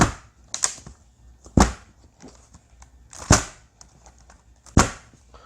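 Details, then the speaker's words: Chuna drop table in a Korean medicine clinic: four loud, sharp thuds about a second apart with smaller knocks between, as a table section carrying the patient drops so the impact is spread out and less painful. "그래서이 소리가 큰 거예요 이게 더 크고 무겁고 이래야 되니까 이게 밖에서들을 때는 꽉꽉 소리가 나는 거죠"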